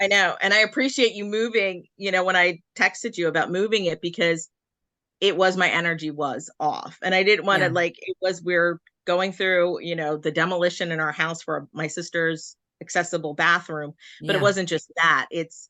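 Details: Adult speaker in conversation; normal voice.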